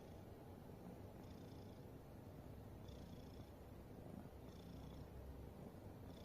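A sleeping cat snores softly, with a faint whistle on each breath about every second and a half.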